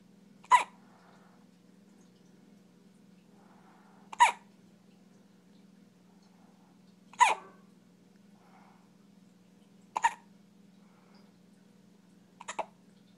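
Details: A 3-week-old baby hiccups five times, with sharp little chirps about every three seconds over a steady low hum.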